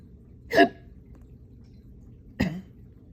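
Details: Hiccups that began after burping, following a bowl of cereal, a run with the dog and drinking water too fast. Two abrupt, sharp hiccups about two seconds apart, each a brief involuntary gulping catch.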